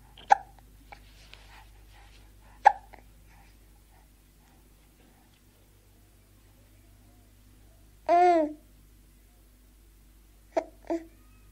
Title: Baby Hiccoughing and Gurgling